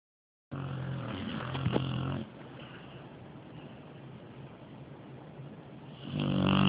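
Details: Dog snoring very loudly while asleep: a loud, rough, rattling snore on the in-breath, then a quieter breathing gap before the next snore.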